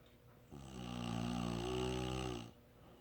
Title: Snoring sound clip